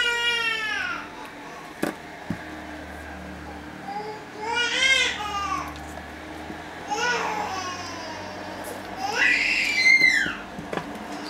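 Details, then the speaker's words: Infant, said to be sick, crying in the background: repeated high, wailing bursts with quiet room noise and a few clicks between them. "Je suis vraiment désolée pour le bébé. Il est malade"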